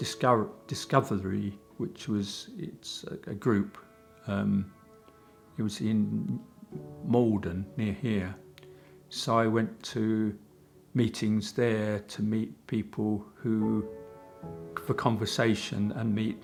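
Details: Man with aphasia after a stroke caused by a clot 10 years earlier; he had hospital treatment and speech therapy; aphasia.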